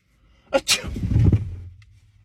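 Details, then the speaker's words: One loud, forceful sneeze with a sharp in-breath and trailing exhaled burst, low background rumble; sneezer says he is sick, sneezed on his brother. "sorry sorry what was that i sneezed hey get your [ __ ] boogie woogies off me right the [ __ ] now bro i'm sorry i'm sick"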